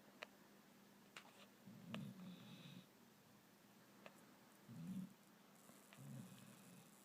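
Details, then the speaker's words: Dog snoring gently while asleep on the couch: soft, low rumbling breaths at irregular intervals in a quiet room with faint clicks. "Okay. The dog is snoring. Snoring dog."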